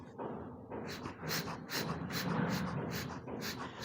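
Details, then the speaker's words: Positive pressure ventilation demonstrated with a bag and face mask covering nose and mouth of a newborn manikin during neonatal resuscitation: rhythmic puffs of air and valve hiss from the squeezed bag; bag-valve-mask ventilation. "इस तरीके से हम क्या करेंगे? बच्चे को positive pressure देते हैं।"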